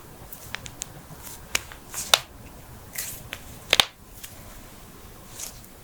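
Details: Sharp, brief pops and crisp clicks in a quiet room from joint cracking (cavitation) across knuckles, backs, necks, toes, ankles, hips, wrists and jaws; a harmless, common finding.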